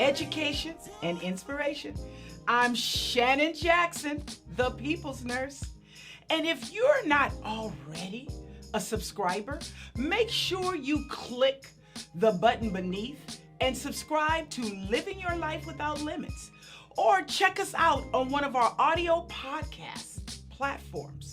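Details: Adult woman speaking; no disorder.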